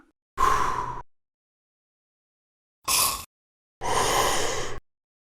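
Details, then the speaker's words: A full breath out, a short puff-like burst, then a long slow breath in through a homemade plastic water-bottle spacer attached to a metered-dose asthma inhaler. "After you attach the inhaler to your bottle spacer, follow the same steps as you have just learned."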